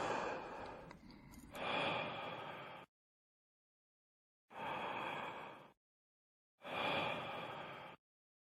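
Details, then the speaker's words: Peak expiratory flow rate bedside test demonstrated during a respiratory examination, part of assessing asthma: three sharp, forceful breaths out, each a rushing blast lasting one to three seconds; forced expiration. "measuring the peak expiratory flow rate is a bedside test and an important part in the assessment of a smog"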